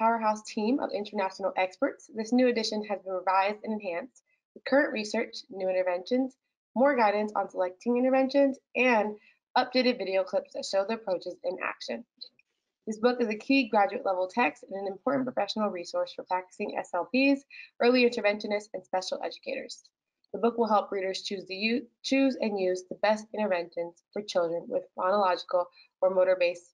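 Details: Adult woman narrating; normal speech.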